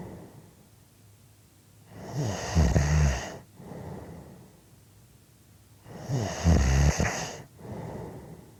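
Two loud, rattling snores on the in-breath with softer out-breaths between, about 14 breaths a minute; snoring.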